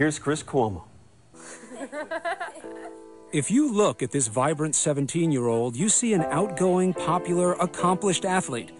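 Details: Adult male narrator; no speech disorder.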